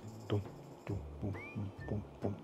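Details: Fetal heartbeat at 12 weeks in a twin pregnancy, heard with a home Doppler on the lower left abdomen: rapid, regular whooshing thumps of an early fetal heartbeat.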